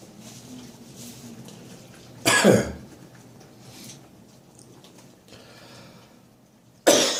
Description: Woke up this morning full of catarrh and I knew that as soon as I was up and about I would need to have a good cough!